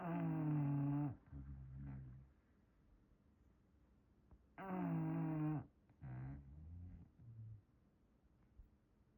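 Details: English bulldog snoring in a blanket: loud, buzzing snores on breathing in, each followed by softer rumbling breaths out; slow and regular, about two breath cycles in nine seconds.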